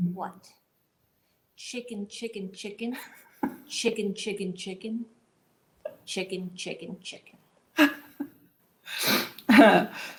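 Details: Adult woman with aphasia after a 2011 gunshot wound to the head, about 10 years on, reading a prepared statement; word retrieval and sentence formation are hard, comprehension a strength; aphasia with recurring utterance.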